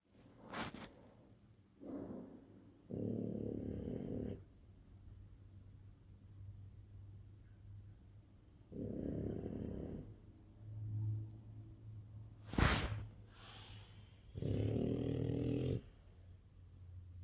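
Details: Sleeping French bulldog snoring: long, rough, low snoring breaths about every six seconds, with a few short snorts between.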